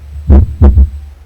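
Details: Normal second heart sound (S2) on stethoscope auscultation of the back: low, dull heart thumps.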